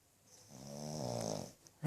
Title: Handsome ROMEO Black Pug Snoring.